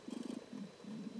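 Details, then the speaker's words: Dog (female) snoring loudly beside the speaker during a live talk: snoring. "Si vous entendez la chienne qui ronfle à côté de moi, vous m'excusez. Hein. Et elle ronfle fort là, en bas du bois."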